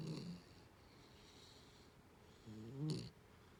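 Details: Young puppy about 4 months old asleep after play: two low rumbling snores a few seconds apart with quiet breathing between; soft ordinary snoring.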